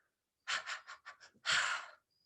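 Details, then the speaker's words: A pediatrician imitates a newborn's irregular breathing: quick shallow puffs, then one longer breath, the normal periodic breathing seen often during sleep and outgrown. "and that's called periodic breathing and that's all normal they're just trying to figure out how to breathe"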